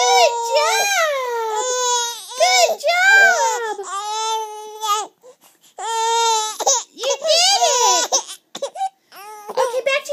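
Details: A baby during tummy time, being coaxed to roll: loud, sustained crying in repeated long wails with brief pauses for breath; ordinary fussing cry, which stops on returning to the back.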